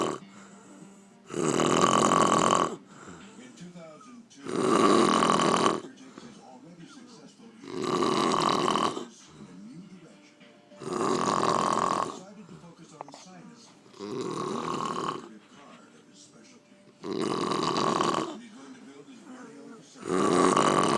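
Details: Loud, rough snores from an aunt sleeping after a day of drinking, each about a second long and coming regularly about every three seconds (roughly 20 a minute), with quiet breathing between.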